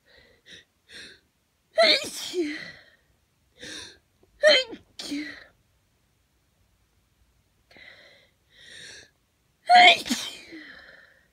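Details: Person with hay fever, in the morning before taking antihistamines, congested: four sneezes, each led by quick catching in-breaths, in a quiet room; sneezing.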